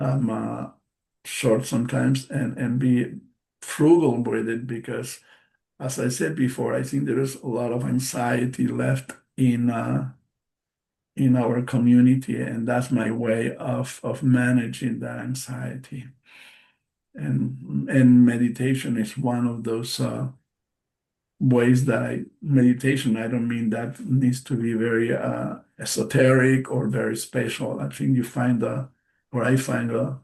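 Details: Post-stroke aphasia in an adult male stroke survivor, a non-native English speaker, speaking English: aphasia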